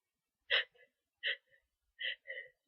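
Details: Three short, soft sneezes in quick succession after long buildup, each a sharp burst with a faint trailing breath, from a person near the end of a cold.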